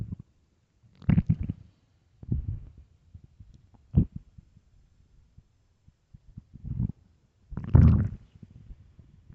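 Low gurgling rumbles and bubbling pops in irregular bursts; stomach growling from an empty stomach.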